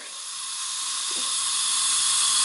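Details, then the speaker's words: Dental air-water syringe giving a slow, steady stream of air on mandibular lingual surfaces to dry teeth and reveal calculus: steady, gradually louder hiss of compressed air. "when doing this you want to give a slow and steady stream of air on a particular area and I like to use this the most of course on these linguals of the mandible nice and slow and steady"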